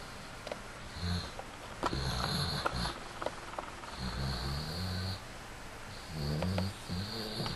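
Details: American Bulldog snoring while asleep: irregular low rumbling snores with snorting breaths; ordinary dog snoring.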